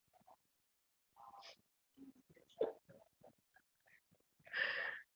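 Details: Young woman with hiccups after drinking too many beers: short, abrupt voiced catches at irregular intervals among quiet breaths, ending in a louder gasp; repeated hiccups.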